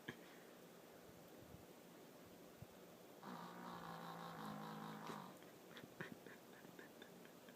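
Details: Sleeping dog with a weird snoring sound: a single drawn-out, buzzing nasal snore over quiet room noise.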